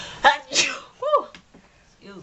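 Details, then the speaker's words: A woman gives a single sharp sneeze with a quick in-breath before it, then a brief spoken remark; she says she thinks she is coming down with a cold. Ordinary sneeze. "me wow so that's bronze glow excuse me guys I think I'm coming down with a cold unfortunately"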